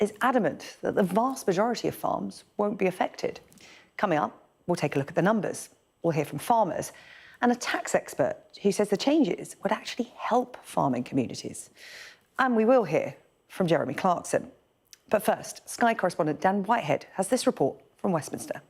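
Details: Adult female news presenter; normal speech.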